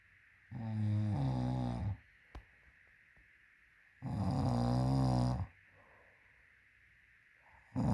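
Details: Woman's heavy snoring during sleep while wearing a Snore-Eze aid in her ear, possibly meant for the nose: loud, rough, rattling snores on each breath in, about 17 a minute, with quiet breaths out between.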